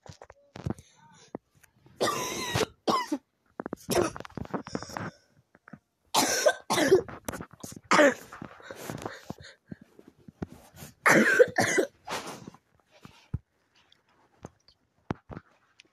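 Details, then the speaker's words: Frequent cough in a person who is sick in bed and taking medicine, attributed by themselves to allergies: several loose, harsh coughs in bursts with throat clearing between them. "if you guys hear me coughing a lot this is a disclaimer right here allergies"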